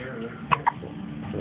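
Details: Two short, sharp, gulping hiccups in quick succession over steady room noise from a young girl who also sneezes repeatedly.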